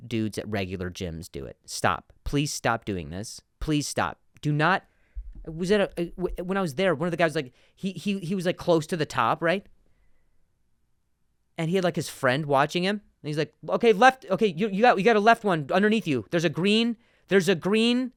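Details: Adult male comedian who stutters, speaking on his podcast with word and phrase repetitions; stuttering.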